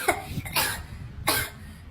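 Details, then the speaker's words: Two or three short, sharp coughs from a child, acted in a comedy skit after asking to buy ice cream. "Tuh, kan bener batuk. Tadi nggak batuk kok, Ma."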